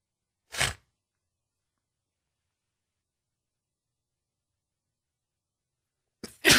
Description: One allergy sneezing fit with some nose blowing.